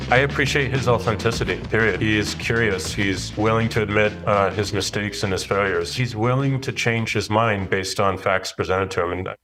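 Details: Adult male speaker; typical voice.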